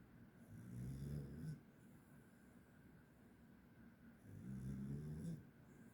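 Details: Sleeping, dreaming dog snoring: soft, low, rumbling snores, two breaths in about six seconds; ordinary snoring during sleep.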